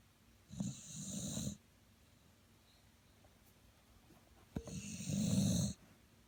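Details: Older dog ("old timer") asleep: two low, rattling snoring breaths with a soft hiss, separated by a quiet pause of several seconds; snoring.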